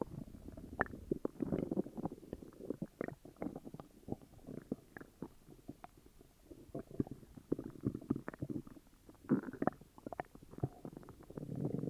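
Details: Upset stomach: continuous low gurgling and rumbling with irregular bubbling pops, loud stomach growling: borborygmi.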